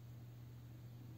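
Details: Philips Respironics DreamStation CPAP/BiPAP machine running after start-up with the ramp feature set to ease pressure: a steady low hum with a soft airy hiss of airflow.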